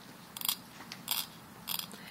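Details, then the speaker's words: Hand scaling of lower anterior teeth, surfaces toward, from the facial, operator seated at 8 o'clock, starting at line angle and rolling to midline; three short scraper strokes removing calculus in a dental hygiene training demonstration. "And you could start at the line angle here and roll in. That's fine. The midline of the tooth and roll in."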